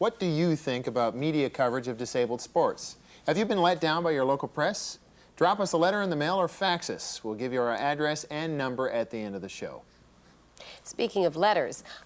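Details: Adult male speaker; ordinary speech.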